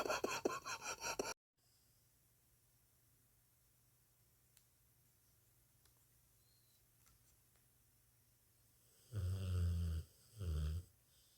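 Low, rattling snores from a sleeping dog, with quiet pauses between breaths; ordinary snoring.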